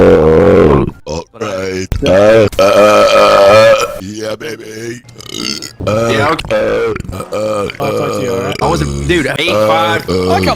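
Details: Repeated belching in a soup burp compilation: several long, loud, rumbling voiced burps with short pauses between them, in a small room.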